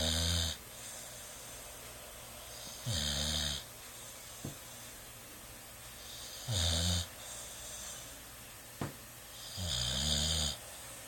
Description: At 8 months old,when he sleeps...he sleeps hard and snores!